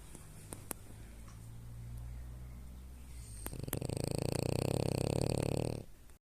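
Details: Snoring from a female French bulldog asleep in bed: after a few clicks and quiet breathing, a loud, coarse, rattling snore lasting about two seconds, from a flat-faced dog.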